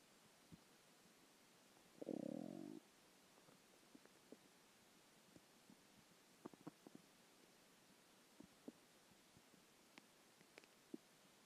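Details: Hunger stomach growling after a skipped lunch: one short, low gurgling growl, then faint scattered clicks and bubbling in a quiet room; borborygmi.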